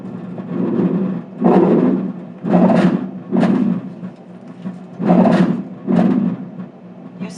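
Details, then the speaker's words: Simulated adult lung sounds on repeated breaths after Lasix (diuretic) treatment: crackles now fine and reduced, previously coarse, showing clinical improvement. "You still hear crackles? No. Fine crackles. Before he had coarse crackles, now the crackles are fine."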